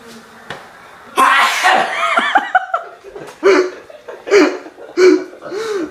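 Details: Loud, explosive sneeze burst followed by laughter and voices, after a breath-holding face-in-water challenge; an ordinary sneeze, described as a cold sneeze.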